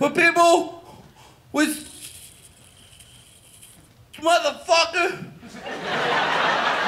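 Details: Adult male comedian performing stand-up who says he has a stutter and does not stutter when he whispers; stuttering.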